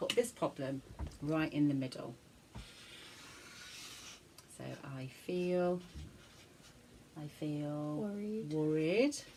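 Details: Adult speaker; normal speech.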